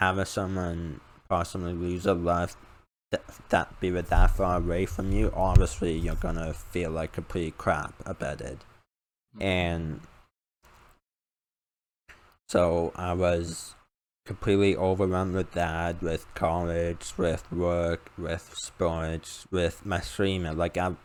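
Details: Male with a self-described uncontrollable speech impediment, improved after about 10 years of speech therapy; formerly used an iPad talking device, not used for almost three years; finding: speech impediment.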